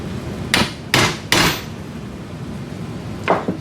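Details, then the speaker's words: Simulated wrist total arthroplasty on a Sawbones model: after bone cement is inserted, the radial stem on the radial inserter is impacted into the distal radius. Three sharp surgical mallet taps, then a fourth. "Insert bone cement and impact the radial stem into its placement."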